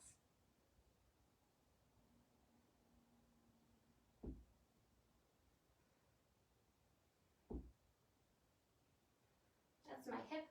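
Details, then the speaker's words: Hip popping during a yoga core exercise, leaning back and pulling up in boat-to-canoe pose: two brief dull pops from the hip joint over a quiet room, a normal joint snapping sound. "my hip popping, if you can hear that."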